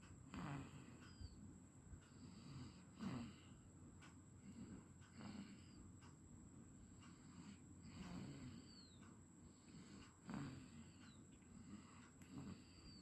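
Soft, low snoring breaths repeating every two to three seconds, with faint snorts and room noise; about 25 breaths a minute.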